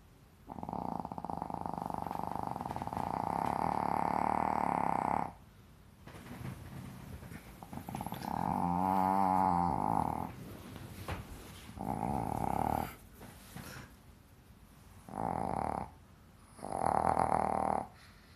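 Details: Loud, buzzing, droning snores in long bursts with pauses between, one more fluttering; snoring.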